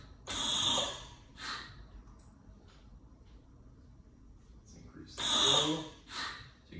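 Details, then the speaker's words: Two airy whooshing gusts of gas several seconds apart, each followed by a softer puff: large animal anesthesia ventilator (JD Medical LAVC-2000-D), timer off, breaths manually triggered by red button, inspiratory flow about seven, demonstration. "the timer is off so it will not automatically trigger a breath if the timer were to fail and you need to trigger a breath there is a red button on the side that just needs to be pushed and it will manually"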